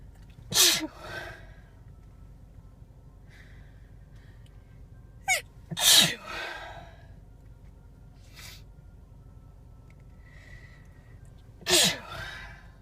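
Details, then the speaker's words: Adult female sneezing in a car while looking for a parking spot: three loud, explosive sneezes, each after a quick inhaled gasp, over a steady engine hum; repeated sneezing. "Driving around looking for a parking spot. And started sneezing. Sneezing. I try to pull over."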